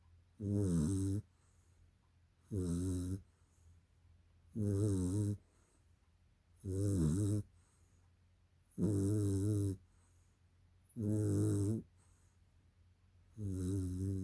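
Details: Dog taking a nap: steady, regular low snores, about seven in 14 seconds, with a quiet room between them; snoring.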